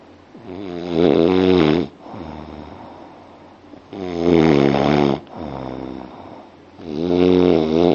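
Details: Loud, rhythmic snoring, about 20 breaths a minute, with a vibrating buzz on each in-breath and quieter out-breaths.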